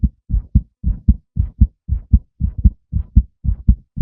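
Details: Male heartbeat with regular paired low thumps at about 58 beats a minute; a steady normal heartbeat.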